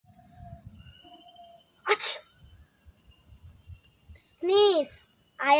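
A single sharp, hissing burst of air, then a short voiced word; an acted sneeze demonstrated for teaching.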